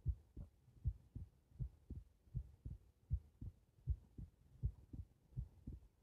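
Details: Heart recorded lying on the back (supine): steady low lub-dub at about 79 a minute, regular rhythm; normal heart sounds.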